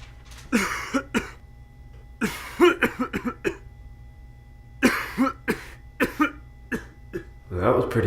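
Acted adult coughing in repeated bursts of several harsh coughs with brief pauses between.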